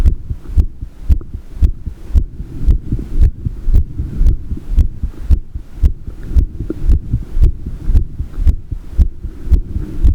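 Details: Steady, regular low thumping heartbeat at about 113 beats a minute over a faint hum; normal heart sounds.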